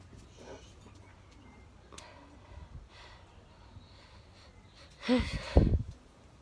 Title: - A Day Time Sneeze